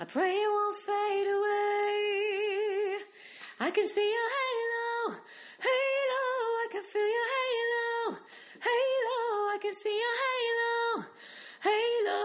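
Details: Female singer with trouble in her middle range and needing to clear her throat; diplophonia and instability in one pitch range, absent when descending into it from above; clinician suspects, from audio only, stiffness of one vocal cord; diplophonia.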